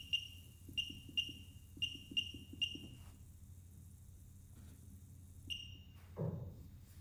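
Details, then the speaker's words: LCS 121 therapeutic ultrasound machine, 1 MHz, demonstrated in continuous mode (power 0.1–2) using water instead of gel: repeated high electronic beeps, then quiet faint hum, a final beep and a splash; continuous-mode output. "So now I will show you the output in the continuous mode. For the demo purpose, we are using water, but make sure you use jelly during the therapy session."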